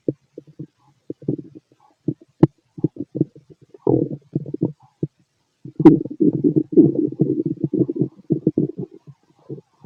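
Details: Adult male's healthy digestive sounds: irregular gurgles and rumbling growls building to a longer bubbling burst; normal bowel sounds.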